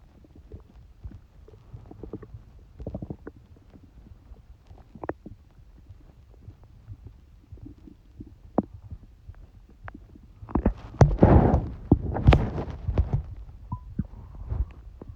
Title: Stomach noises while I have a cold